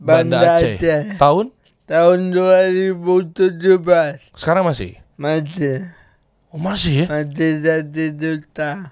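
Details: Adult man born in 1987 with severe cerebral palsy from birth, attributed to a birth injury during a breech delivery; he could not walk until age 9; speech possible but unclear; dysarthria (cerebral palsy).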